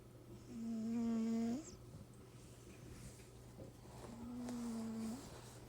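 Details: A pet cat snoring: two tonal, whistling, buzzy snores about three seconds apart over a steady low hum; cat snoring.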